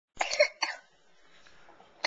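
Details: Cough from a young child, recorded in 2009 on a Flip Video camcorder.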